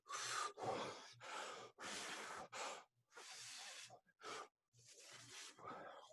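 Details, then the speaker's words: Repeated breathy blowing through narrowed lips, demonstrated by an instructor in an EMT respiratory emergencies lecture: pursed-lip breathing, which adds back pressure (PEEP) to keep airways open in breathlessness. "by making the opening to the outside world smaller with the lips that increases peep positive end expiratory pressure"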